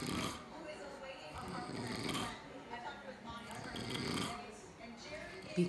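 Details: Snoring during sleep: loud, rough snoring bursts, about three in under six seconds, with some room noise.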